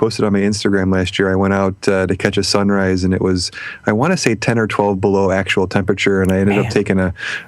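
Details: Adult man speaking; normal speech.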